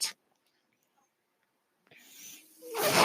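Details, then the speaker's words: Real recording: the speaker's own breathing ventilator heard as he talks, a short hiss, a quiet pause, then a rising rush of air with a faint hum. Mechanical ventilator sound. "my name is that noise you hear he's my ventilator"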